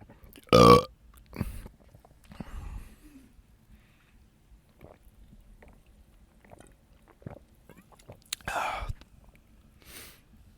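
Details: Two loud, deep burps, one near the start and one near the end, with quieter mouth noises between, from a mustached man recording ASMR burping in a closet; ordinary belching.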